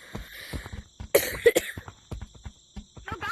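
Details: A short burst of harsh coughing among quiet clicks and taps, from a person who says they are super sick with a bad cough.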